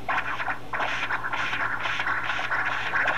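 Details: 13-year-old dog with heart murmur, echocardiogram with Esaote MyLab Class C, pulsed-wave Doppler: rhythmic whooshing flow bursts about three a second over a steady hum; mitral regurgitation, enlarged left atrium noted.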